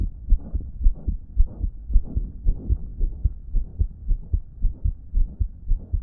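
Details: Own damaged heart recorded on a phone, noted as not pumping effectively that day: rapid heartbeat near 110 a minute, each beat trailed by a loud, low blowing whoosh filling much of the cycle; heart murmur.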